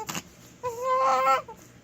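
A brief sniffy burst, then one high, rising, drawn-out cry. A short infant-type cry.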